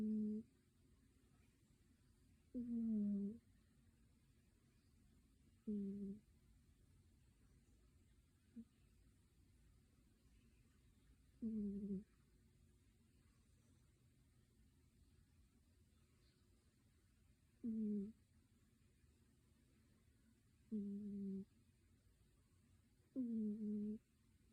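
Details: Sleeping cat snoring softly in a quiet room, with short humming, buzzy snores every few seconds.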